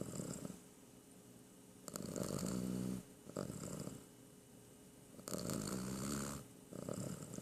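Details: Sleeping cat snoring: rhythmic rattling snores on each breath in, quiet breaths out, about two cycles in seven seconds.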